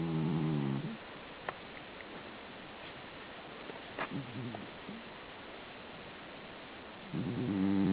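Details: Low, buzzing snores at the start and end, with a long quiet gap and faint small noises between; snoring.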